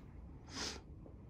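A single short, forceful nasal snort lasting about a third of a second, over low room noise.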